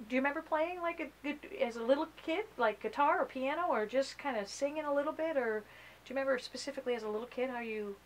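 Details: Adult woman, interviewer; Normal speech.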